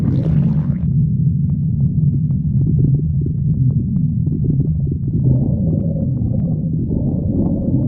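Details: Stomach growling: steady deep rumbling with faint gurgles throughout, from gas and fluid moving through the gut. Borborygmi, a normal finding.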